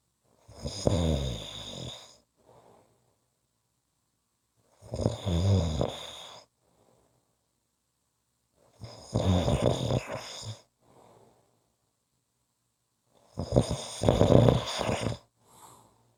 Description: Tuesdays are short Snoring days. Just a short snoring audio clip!